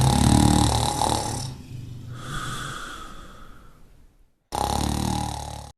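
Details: A sleeping dog giving loud, rough, rattling snores, with a quieter whistling breath between them: ordinary snoring.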